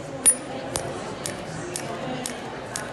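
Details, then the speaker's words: Sharp regular clicks about twice a second from a Storz SPINE-ACTOR forked radial shockwave transmitter on an Olympic athlete's tight thoracic spine, mobilizing vertebral joints in a flexed position, with muscle twitching; radial shockwave therapy device firing. "would be the joints a small thing you see there's a twitch in the muscles but it calms down after a while I think this would be the joints still the same twitch yeah now stuff to calm down"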